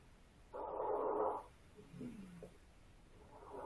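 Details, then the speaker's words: Simulated lung sounds from a female digital standardized patient, heard posteriorly: a rushing breath, then a brief low musical tone over the lower back, documented as adventitious sounds consistent with wheezing. "She did have some adventitious sounds. I could say those sounded like wheezing to me."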